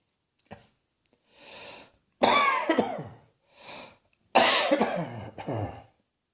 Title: Cross Dressing Coughing 117